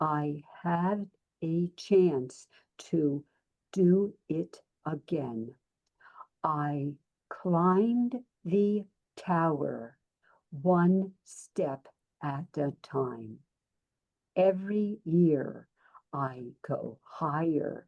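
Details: Aphasia following a stroke, in an adult who co-founded an aphasia camp.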